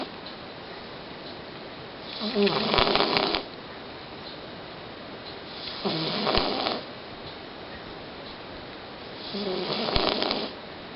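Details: Male cat sleeping peacefully, snoring loudly: three rough, raspy snores about every 3.5 seconds against steady background hiss, roughly 17 breaths a minute; snoring.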